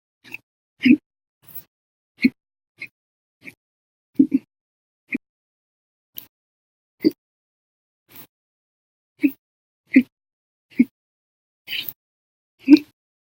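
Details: Frequent short, sharp gulping bursts, about one per second, each an abrupt catch in the throat; persistent hiccups after eating meals and drinking soda, lasting over 10 hours in one bout.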